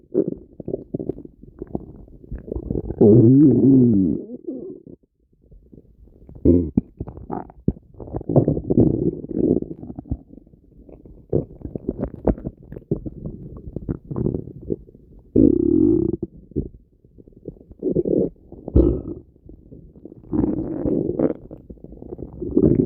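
Loud, irregular gurgling and rumbling bursts with brief gaps, typical of vigorous bowel sounds (borborygmi), a normal finding.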